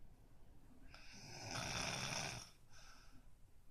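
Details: Snoring during sleep, recorded by the person themself, unaware they snore.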